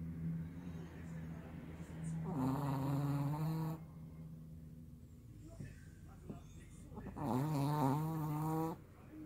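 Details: Two loud, buzzing, rattly snores about five seconds apart, each over a second long, from a sleeping pet Chihuahua over a steady low room hum; snoring.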